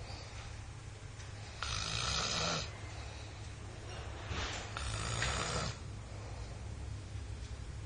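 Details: Coarse rumbling breaths from a sleeping child over steady background hiss, with two louder noisy stretches; loud snoring.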